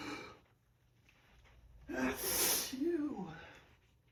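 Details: Pollen allergy, morning: quiet breath in, then one loud, forceful full-body sneeze with voiced trailing sound; allergic sneeze.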